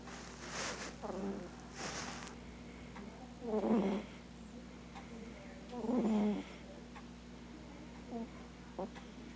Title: Cat that snores